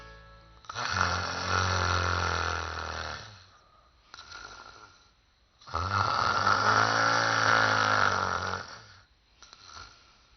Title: The Rose (薔薇之戀) - Beautiful Snoring